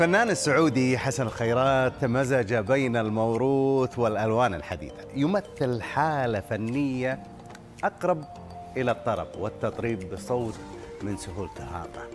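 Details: Adult male narrator; normal fluent speech.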